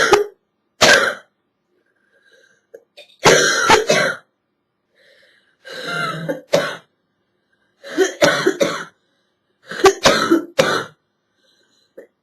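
Repeated harsh coughs in short bursts of two to three, with a loose, wet quality and throat clearing: a hacking chest-cold cough.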